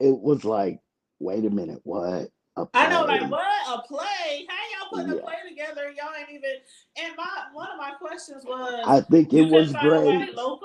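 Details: Adult woman whose vocal cord was accidentally touched during thyroid removal surgery, hoarse altered voice, expects recovery in a couple of months; dysphonia after vocal cord injury.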